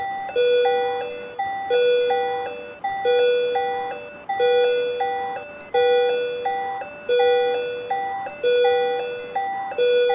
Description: Capnography monitor